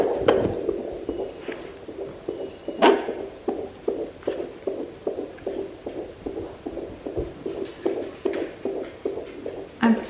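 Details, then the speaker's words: Home fetal Doppler in pregnancy: rapid, regular galloping whooshes, not the placental whoosh, a normal fetal heartbeat at about 145–147 beats a minute. "so 147 so i'm pretty sure this is baby's heartbeat so they say your placenta the blood sound is more of a whoosh but a heart beats more of a gallop"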